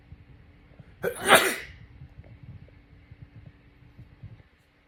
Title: Roommate sneezing on me. 🙊😆